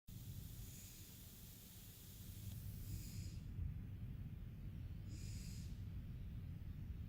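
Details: Snoring during sleep: low, rumbling, noisy breathing with faint hissing over a steady background.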